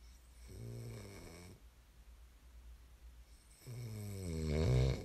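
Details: Snoring ASMR recording: two low, buzzing snores separated by a quiet pause, the second louder and rougher; typical sleep snoring.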